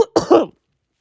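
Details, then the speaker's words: A single short, voiced cough from an adult, followed by silence, while recounting coughing in crowded-feeling subway station air; cough. "oh my God what is in the air and I was like I was coughing"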